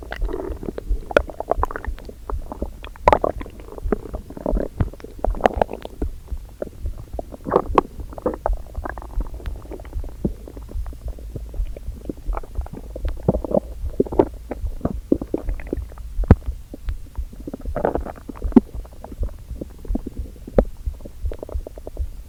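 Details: Irregular low gurgles and rumbles from an empty stomach first thing in the morning, before breakfast: hunger borborygmi.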